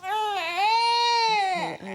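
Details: A single sustained, strong high-pitched cry from a poorly, chesty infant girl with a cough, heard during a GP throat examination.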